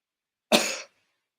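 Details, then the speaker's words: One short, sharp imitated cough from an adult, a single harsh burst of air, demonstrated in an English vocabulary lesson on ailments. "well, this is called cough. Cough. We spell like this, but we just say like this. Cough."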